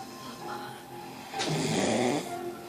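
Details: One loud, rough snore on a breath in, with steady background noise and faint music or a television; snoring.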